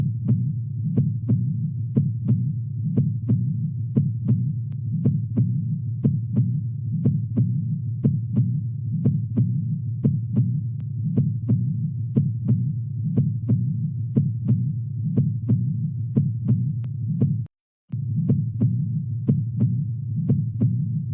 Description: The Cardiac Cycle at 60bpm timed with heart sounds. Lub = S1 is heard with the closure of the Mitral Valve and represents the start of Systole.